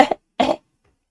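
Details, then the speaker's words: A woman with a cold gives a dry cough. Two brief, sharp cough bursts are heard without rattle or mucus sounds; dry cough. "Oh, this stupid cold or whatever, this dry cough. Coughed on cue. Did you hear that? This dry cough."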